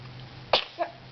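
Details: Sneezing in someone who won't play with her toys: a single sharp, explosive burst of air followed by a brief softer sound.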